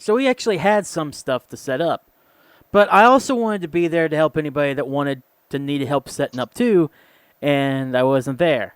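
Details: Adult man speaking; Normal speech.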